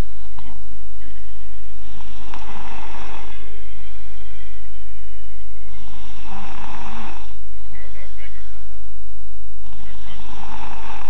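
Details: Seven-year-old boy snoring loudly while asleep, rattling snores at about 16 breaths a minute with quiet pauses between: habitual loud snoring.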